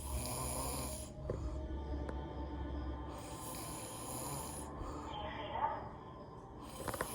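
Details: Girlfriend snoring, keeping a partner with PTSD awake: loud, rough, rattling snores in repeated bursts with quieter breathing between, over a steady low room hum; snoring.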